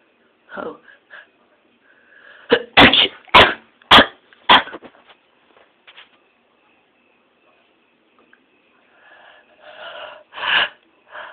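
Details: Repeated sneezing: a run of several sharp, explosive nasal bursts, with quieter breathy sounds before and after.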